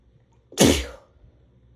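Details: Single very strong, forceful sneeze: a quick intake, then a loud explosive burst that fades quickly.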